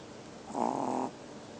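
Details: 2½-month-old snoring: a single brief, rough, vibrating breath sound against faint background hiss; a snore.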